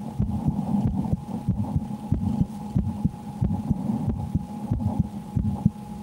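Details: A woman records her own heartbeat while playing a frightening horror game: regular paired heart thumps at about 92 a minute, slightly quick, over a low hum; normal heart sounds.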